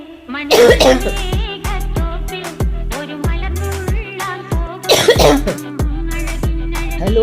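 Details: Cough from an adult woman, the owner of a Shih Tzu dog that becomes upset and lowers its head when she coughs.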